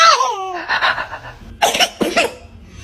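Baby vocal sounds followed by two short explosive bursts, typical of infant sneezes.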